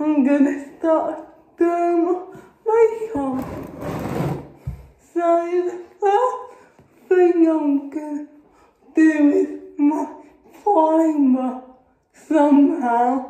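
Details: Adult woman with cerebral palsy speaking. Finding: dysarthric speech (cerebral palsy).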